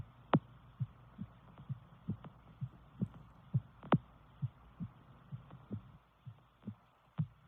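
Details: Steady series of soft, low heartbeat thumps over a faint continuous hum, recorded with a visible pulse in a woman's neck.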